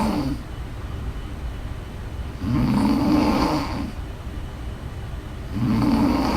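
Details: Two loud, rough snores on the inward breath, a few seconds apart, with quieter breathing between; ordinary snoring.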